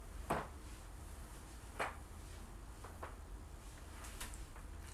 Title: joint cracking compilation